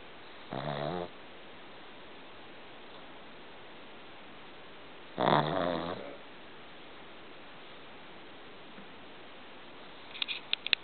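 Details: Two rattling snores several seconds apart from a sleeping shih tzu over a steady hiss: ordinary snoring.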